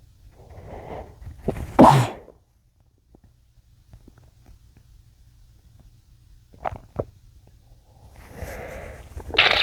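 A few stifled, muffled sneezes, each a sharp burst held back, with quiet pauses between; ordinary suppressed sneezing.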